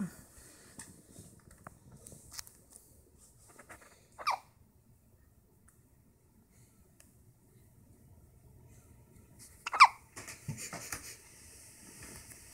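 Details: One-week-old newborn hiccuping: two brief, high, squeaky toy-like hiccups several seconds apart in a quiet room.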